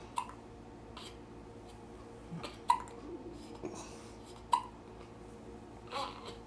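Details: Infant boy with hiccups after feeding: soft, sharp hiccup catches every couple of seconds in a quiet room, with faint adult voice.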